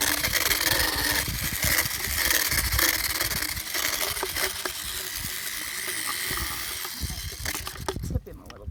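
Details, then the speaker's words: Handheld Dremel rotary power float on a 15-plus-year-old mule's long-neglected teeth: loud buzzing, grinding whir rising and falling along the molars, with clatter; motorized equine dental float grinding teeth. "so we have this handheld Dremel um rotational float and that's how we're going to fix up Howdy's mouth today"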